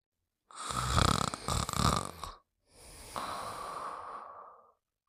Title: Fafa with the Peanuts Gang: Buddy Sleeping & Snoring Part 2